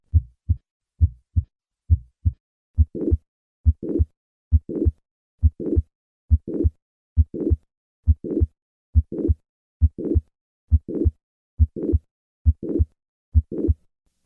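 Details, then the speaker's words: Mitral valve prolapse with mitral regurgitation: normal heart sounds about 70 a minute, then a crescendo murmur starting mid-systole and rising to the second heart sound. "When mitral regurgitation is due to mitral valve prolapse, the murmur may be crescendo in character, beginning in mid-systole and increasing to the second heart sound."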